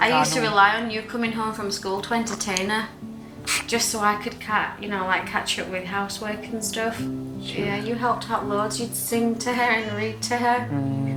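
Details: Adult woman; typical speech.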